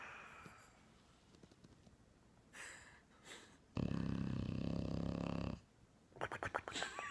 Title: Bulldog Funny Snoring